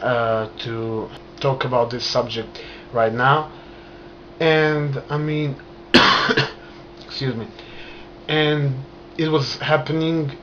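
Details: Adult man stuttering since childhood, onset after a trauma, still present, managed with hand movements and breathing; stuttering.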